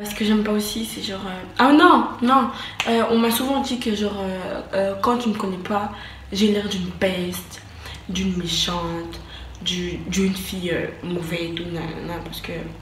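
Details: French-speaking woman who says she stutters, speaking in her own vlog; stuttering.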